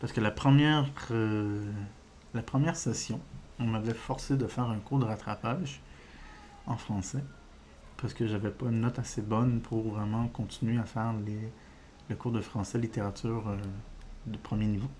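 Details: Adult man with diagnosed ADHD; speech disfluency with revisions, repetitions, filled pauses, which he says resembles stuttering but is not stuttering, linking it to ADHD.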